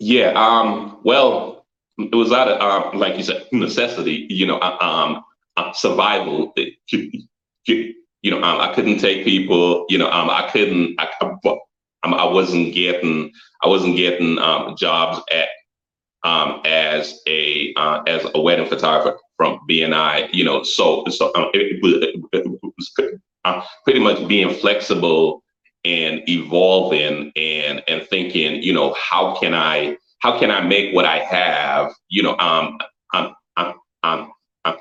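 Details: Stuttering in an adult man, a photographer and former engineer; repetitions of words and frequent fillers.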